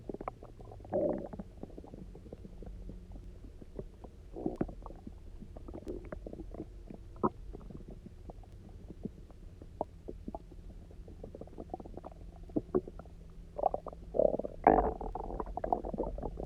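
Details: Person who had eaten almost nothing for 24 hours, then drank a lot of water and lay on their side: frequent gurgling, bubbling and popping stomach noises with louder rumbling bursts near the end; hunger borborygmi, normal.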